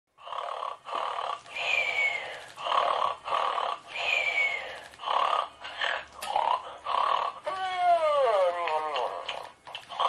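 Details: Cat snoring: rapid, raspy snore-like bursts about one per second, some carrying a whistling tone that slides down in pitch.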